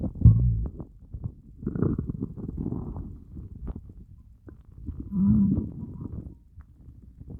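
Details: Hunger borborygmi after fasting for over 30 hours: low gurgling rumbles and drawn-out groans from the belly, a normal finding.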